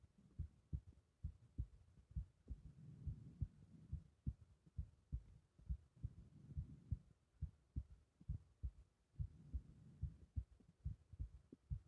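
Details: Steady low thumps at about 70 a minute with soft whooshing between them, heard over the carotid artery in the neck with strong pulsation; strong carotid pulse.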